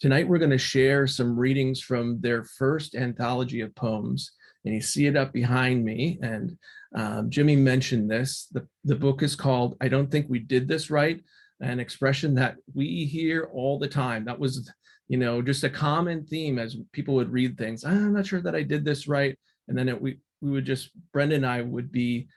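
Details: Adult male speaker; normal speech.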